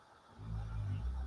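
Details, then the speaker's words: Dog snoring in the background. "that's my dog snoring if anyone's wondering what that noise noises I'm sorry"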